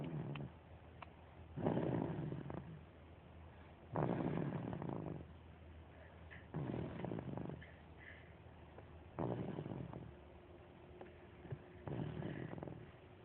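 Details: Baby snoring; snoring.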